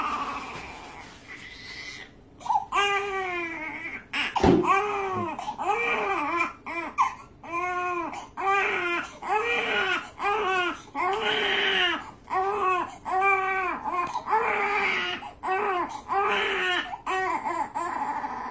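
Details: Newborn pain cry during circumcision: hard, repeated, strained, rhythmic wails with quick gasps between them.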